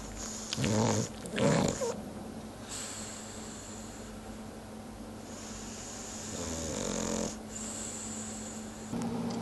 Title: Snoring French bulldog